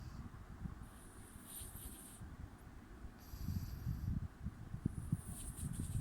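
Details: Sleeping cat with soft, low rumbling snores and faint snorting bursts over a faint high-pitched background whine: snoring.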